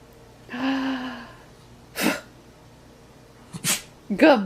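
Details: Dog sneezing repeatedly: several short, sharp nasal bursts of air, a run of sneezes, with a brief whine and quiet room sound between.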